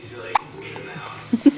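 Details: A boy who has the hiccups again gives three short, abrupt voiced gulps in under two seconds over faint room noise and music.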